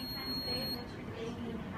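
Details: A steady high electronic tone under room noise: the power-on beep of a syringe pump being switched on during buretrol and syringe pump setup.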